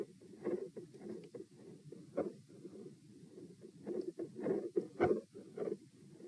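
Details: Heart sounds recorded at position P, second test, mostly quiet with intensity increase at the end, rate 90-72-96-90-102 bpm; pronounced respiratory phasic variation of beat spacing persisting despite provoking manoeuvres.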